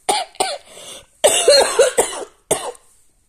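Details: Dry cough from an adult with asthma and a history of allergies and bronchitis; chest X-ray was clear and the cough is attributed to asthma, not viral or bacterial infection.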